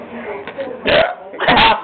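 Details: Two abrupt, voiced hiccups about half a second apart, each starting suddenly against quiet room noise, from an adult who admits being a little drunk.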